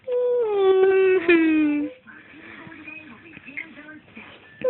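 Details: Drawn-out, tonal whining cry falling in pitch, then fading into soft whimpers, with a person talking in a small room, amid repeated sneezing and "achoo" play: crying.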